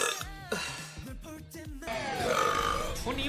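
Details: Streamer burping after drinking beer and eating: long, deep, rumbling belches over loud music and a voice in the background.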